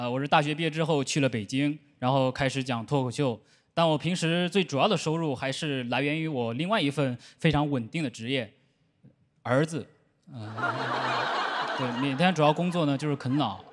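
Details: Adult speaker, stand-up comedy monologue; normal speech.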